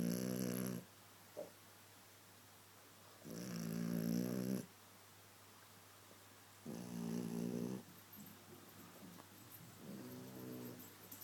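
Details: A dog napping while people watch TV, snoring loudly: long, rumbling snores on breaths a few seconds apart, about four in eleven seconds, with quiet room noise between.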